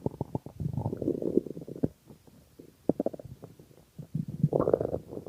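Loud bubbling, gurgling rumbles in bursts with brief pauses: stomach growling from hunger, a normal digestive sound.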